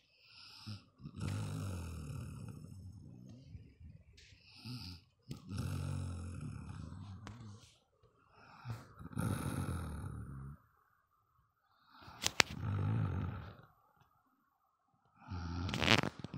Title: Suara Ngorok Tersadis 🙉